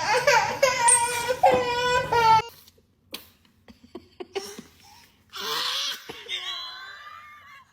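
Brief rhythmic wailing cry, then quiet and small sounds, then a softer whimpering vocalization; ordinary infant crying.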